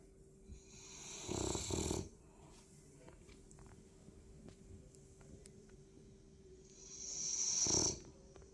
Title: French bulldog deep sleep snoring very loud